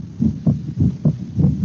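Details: Second heart sound (S2).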